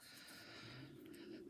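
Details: A pet dog lying asleep next to its owner, described as a sleepy boy these days, gives a quiet, low, drawn-out rumbling snore over faint room noise; dog snoring.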